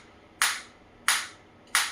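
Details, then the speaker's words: Focused (not radial) shockwave therapy applicator firing on the operator's own hand while parameters are varied after 29 shots; three sharp, loud snapping pulses about two-thirds of a second apart; shockwave therapy device firing. "so now I'm starting the same and now I'm varying all the parameters so you can see uh I'm wearing all the parameter now you can see so I just started you can see I'm feeling that in my hand"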